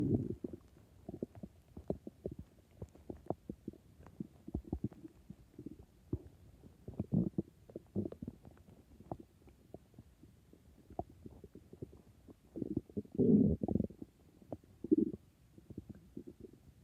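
Bubbling, gurgling gut noises come and go in bursts, with louder rumbles near the end. These are normal stomach growling sounds.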